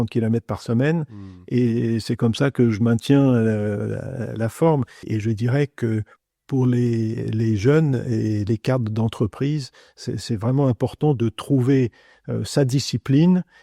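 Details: Adult male speaker; Normal speech.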